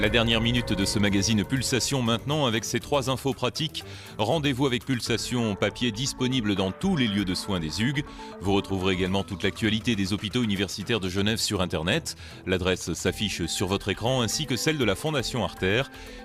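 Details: Adult male presenter; normal speech.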